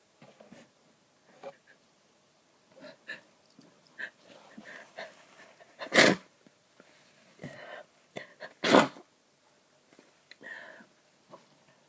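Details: Allergic reaction to cat hair: two loud sneezes among sniffles and congested snorting breaths; repeated allergic sneezing with nasal congestion.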